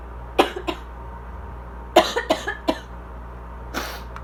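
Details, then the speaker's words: Adult with asthma has a coughing fit of about seven short, harsh coughs in clusters; cough varies between dry and congested; background air-conditioner noise. "I was about to say that I actually feel like there's less coffee today. My problem is that it'll go from pretty dry to like kind of congested, but like the congestion doesn't like move"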